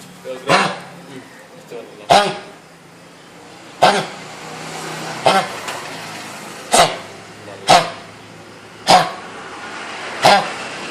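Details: A dog with kennel cough (canine infectious tracheobronchitis), a highly contagious respiratory disease, gives a run of about seven harsh, dry, honking coughs; veterinary hospital case.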